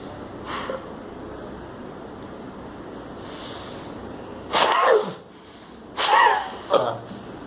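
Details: Three short, breathy, hissing cough bursts on request from a laryngectomy patient with a TEP voice prosthesis, with faint room noise; stomal cough after laryngectomy.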